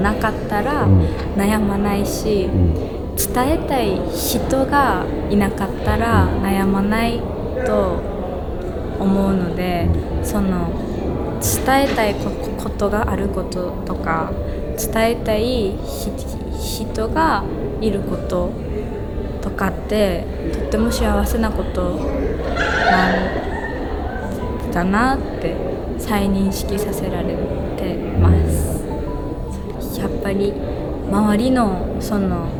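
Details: Stuttering in a young female student working at a café staffed by young people who stutter; stuttering worsened around the summer of her second year of middle school.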